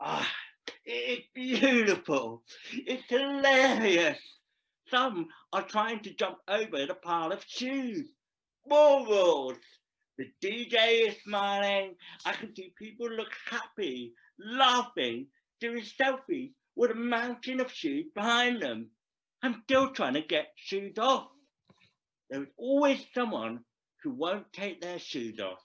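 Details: Deaf adult male actor performing a scripted story about a profoundly deaf man who speaks; deaf speech.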